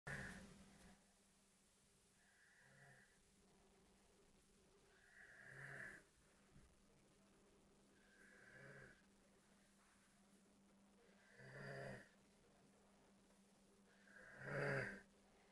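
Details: Man asleep snoring, with someone copying his snores: soft rattling snores about every three seconds in a quiet room, the last one louder.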